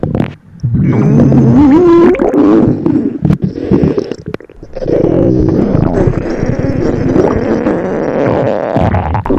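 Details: Loud, long gurgling and rumbling with shifting pitch and bubbling from a hungry stomach; borborygmi, stomach growling.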